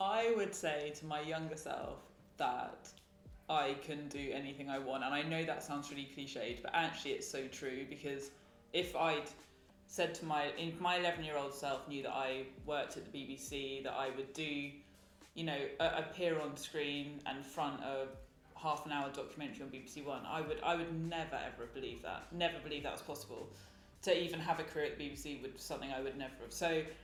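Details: Adult woman who has stammered since childhood and uses fluency techniques, so the stammer may be barely audible; stammering (stuttering).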